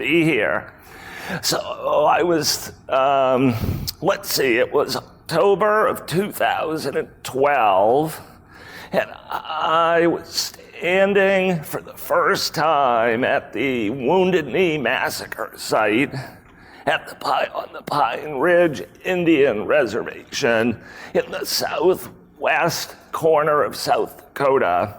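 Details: Adult male with spasmodic dysphonia, a rare voice disorder acquired in 2010; throat muscles spasm and contract when he talks, making speaking sometimes difficult; real speech from a keynote talk.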